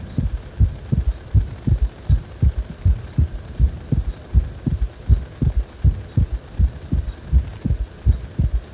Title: 心臓がグラグラしてる感じの心臓音